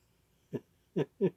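Three short, abrupt voiced gulps in quick succession in a quiet room, typical of hiccups.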